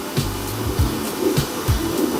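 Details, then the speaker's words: Normal fetal heartbeat on ultrasound at two months of pregnancy: regular rhythm and fairly strong. The pulsing heart is seen within the amniotic fluid and sounds normal. "Jadi kalau kita lihatkan ini seb kita dengarkan letak jantungnya kan letak jantungnya nah tuh sudah kelihatan bagus tuh wis bagusak jantungnya normal e normalnya dari Iya frekuensinya teratur oke ya dan cukup kuat"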